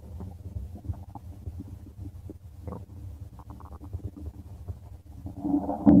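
Soft bubbling and gurgling rumbles, ending in a louder growl: ordinary stomach growling (borborygmi), a normal digestive sound.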